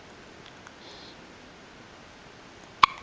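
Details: Baby hiccuping again; mother notes he hiccuped often while in the womb. One brief, sharp infant hiccup after a quiet room sound: hiccups.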